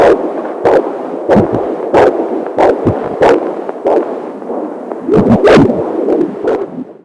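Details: Fetal heartbeat on a fetal monitor: rhythmic whooshing pulses over a steady hiss.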